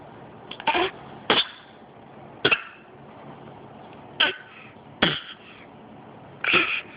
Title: Coughing